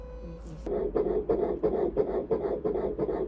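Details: Fetal heartbeat on ultrasound at about 9 weeks (fetus measuring 9 weeks), heart rate about 180 bpm, reported healthy; mother in her 7th–9th week of pregnancy with severe morning sickness.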